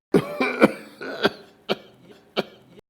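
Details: Cough.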